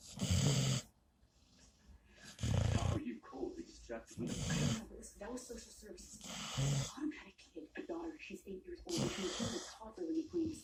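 Irregular rough snorting snores on inhaling, with breathy noise and quieter sniffling between the louder snores.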